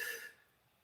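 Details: A single short, harsh cough burst from an adult, fading quickly into a quiet room; the speaker reports a very sore throat after a second COVID infection a couple of weeks earlier.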